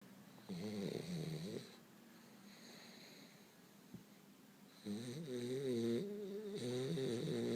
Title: my frenchie snoring